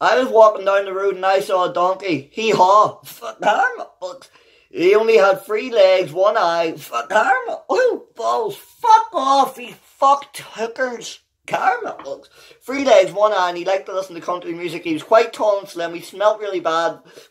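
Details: Adult man with Tourette syndrome whose involuntary vocal tics, including vulgar words, interrupt his reading of a children's book aloud; Tourette syndrome vocal tics.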